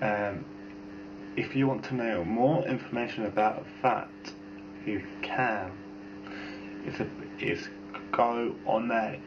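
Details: Young male from a family in which about half have severe, hard-to-understand speech linked to a FOXP2 gene mutation, with grammar described as perfect; developmental verbal dyspraxia (FOXP2-related speech disorder).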